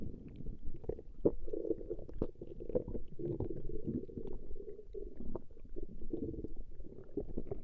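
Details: Female's stomach growling recorded over a 20-minute session: continuous low gurgling and rumbling with scattered pops from gas and fluid moving through the gut, borborygmi.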